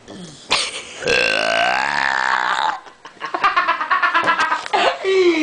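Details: Male doing deliberate burps: a long, loud, drawn-out voiced burp, then a run of shorter belches, ending with a rough final burp; repeated burping.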